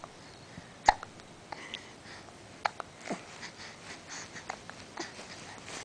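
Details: Young child, possibly sucking his thumb: two sharp, abrupt hiccup sounds in a quiet room, with softer breathing noises after them; hiccups.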